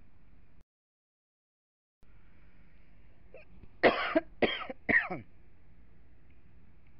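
Three short, harsh bursts in quick succession over quiet room noise, an imitated cough demonstrated by an adult.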